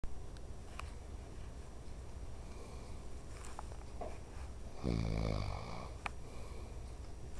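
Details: Father, who denies snoring, recorded with steady quiet noisy breathing in a room and one brief low rattling snore: snoring.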